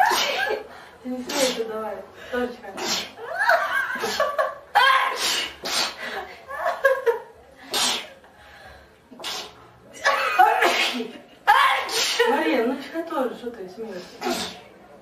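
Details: Several sharp, explosive sneezes from different girls, with talking and laughter between them.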